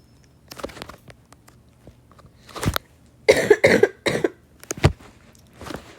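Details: Several harsh, repeated coughs in a small room with faint handling noise between them, from a gamer with a persistent cough.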